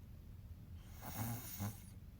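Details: Someone asleep during Taehyung's (BTS V) live stream, snorer unidentified: two low, rumbling, snorting snoring breaths with quiet room noise.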